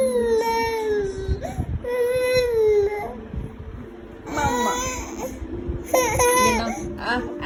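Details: Short high-pitched cries and whimpers in bursts from a baby, with background music and an adult voice; infant cry.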